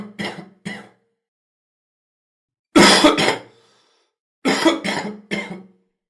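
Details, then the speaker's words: Three bursts of two to three loose, rattling coughs: wet cough moving material, usually caused by excess secretions or mucus. "La tos que mueve material se llama tos húmeda y normalmente está producida por un exceso de secreciones o de moco."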